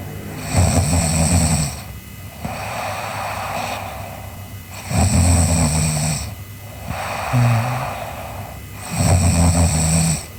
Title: Sleeping Girl Snoring (ICDM) Part 3